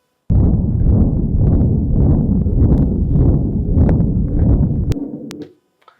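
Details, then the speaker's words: Continuous murmur of patent ductus arteriosus, heard best high under the left axilla: a loud, unbroken machinery-like rumble with no stop between systole and diastole, waxing and waning with each beat. "But continuous murmurss are slightly more common almost inevitably associated with a patent duct to start uses and we got the systolic component immediately followed by a diastolic component. So we hear the murmur with no stop."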